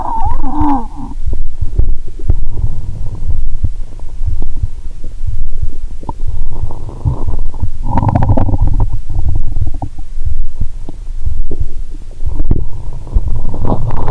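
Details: Stethoscope on own abdomen while lying down, after drinking cola and swallowing Mentos: continuous loud low gurgling and rumbling with brief higher gurgles; very active bowel sounds.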